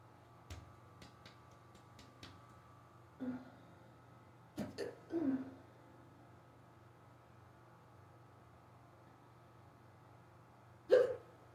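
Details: Hiccups in a person who rarely gets them, starting suddenly on waking in the morning, lasting almost 20 minutes, described as very bad and fast. Short, abrupt throaty gulps at uneven intervals, some with a faint voiced catch, over steady room hum.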